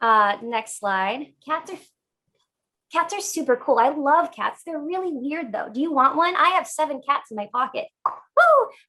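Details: Adult woman with Tourette syndrome diagnosed in childhood; complex vocal tics of phrases and exclamations, increased after suppressing them earlier; complex vocal tics (Tourette syndrome).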